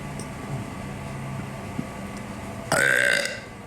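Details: One loud, drawn-out belch about half a second long after quiet room noise; deliberate burping.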